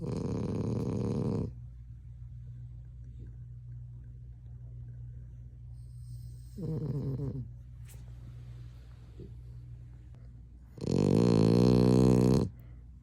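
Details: A chocolate French bulldog snoring heavily: loud, deep, rattling snores on three breaths across thirteen seconds, with a steady low hum between them.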